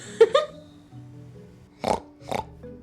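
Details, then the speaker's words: A young American with severe Tourette syndrome gives three abrupt, forceful nasal snorts in quick succession over soft background music; he says this snorting tic worsens around police officers; snorting vocal tic. "I don't know where I got the snorting tick but I really don't like that tick at all and it's terrible because it gets worse when I'm around like police officers"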